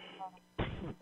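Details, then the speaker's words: Single muffled, explosive adult cough, heard faintly and distantly after quiet room noise; the podcast caller turned the mic off to cough and blames a leftover flu. "Hey, sorry about that. I I turned the mic off to cough and I know you can still hear the cough. Sorry about that."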